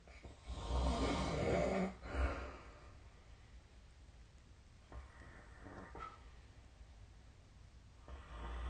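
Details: Snoring during sleep, recorded with a snoring-tracking app (SnoreLab) on 2024/12/26.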